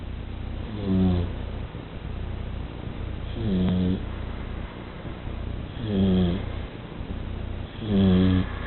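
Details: Snoring in sleeping Chili: loud, low, rattling snores about every two and a half seconds, roughly 25 a minute, over steady background noise.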